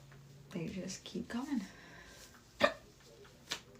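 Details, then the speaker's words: Adult with recurring hiccups all day after brief talk: two sudden, jerky throat catches about a second apart. "I keep getting the hiccups today. It was really bad."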